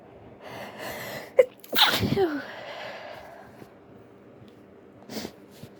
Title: An attempt at stifling my sneezes 😅